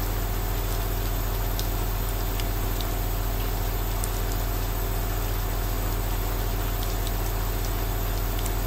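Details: Steady low motor hum with an even buzzing drone from a running aerosol compressor nebulizer, with faint light patter of rain in the background.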